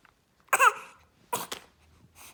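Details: Baby sneezing: two short, sharp bursts of air with a brief catch between; sneezing.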